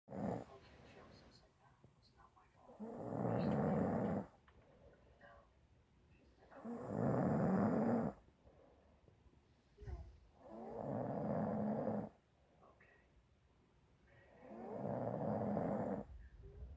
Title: She snores